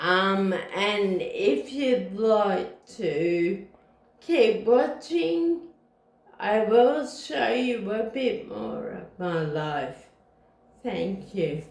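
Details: Woman with Friedreich's ataxia who uses a wheelchair, ankle-foot orthosis and Botox and does physiotherapy exercise; no speech disorder named; ataxic dysarthria (Friedreich's ataxia).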